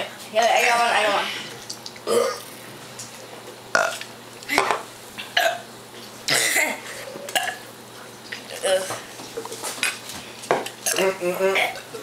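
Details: Children burping for fun to entertain themselves: repeated loud burps with brief talk between them; ordinary belching.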